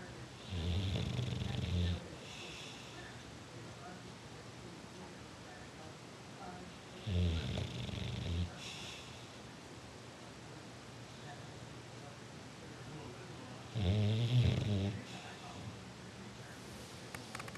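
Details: Bulldog sleeping in a chair: three deep, rumbling snores roughly every six seconds, about ten a minute, over quiet room noise; loud snoring.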